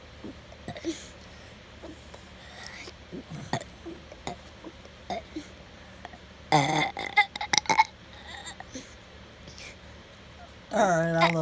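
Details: Burping: loud belching bursts, including a long drawn-out burp near the end, with quiet talk in the room.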